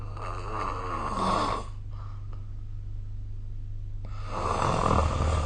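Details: Snoring during sleep recorded with a smartphone snoring app: loud rattling snore on breathing in, a quiet pause, then another snore starting, with a low steady room hum underneath.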